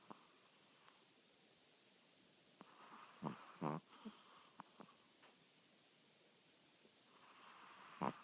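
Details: Old female chihuahua asleep: short irregular snorting snores and soft clicks building from quiet to louder bursts, like an old car starting, progressing to steady loud snoring; dog snoring.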